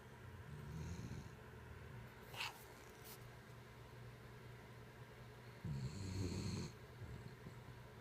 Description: Can't sleep some nights because the DOG IS SNORING!!